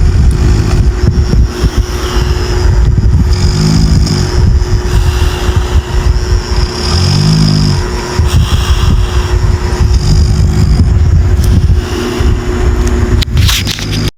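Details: Person snoring loudly: low rumbling snores recurring about every three seconds over a steady background hum.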